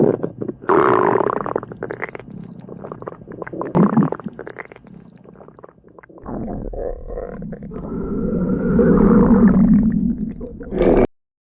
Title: A Stomach Growl At The Sleepover - Part 2 (Request)